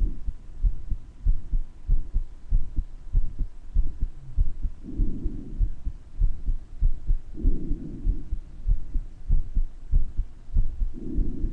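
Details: Person's own heart murmur recorded with breath sounds: regular heartbeat about 95 a minute with soft whooshing between beats and slow rising and falling breathing; audibility varies between areas.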